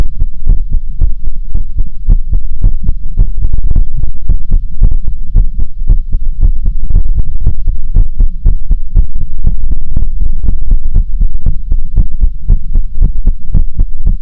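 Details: Steady, regular heartbeat with paired low thuds over a loud, constant low hum.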